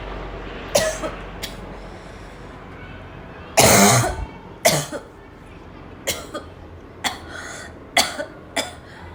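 About nine harsh, barking coughs come in irregular bursts over nine seconds, one long and forceful, giving a choking coughing fit.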